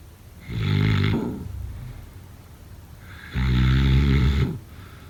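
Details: Two loud, low, rattling snores about three seconds apart, each on an in-breath, with quiet breathing between: snoring.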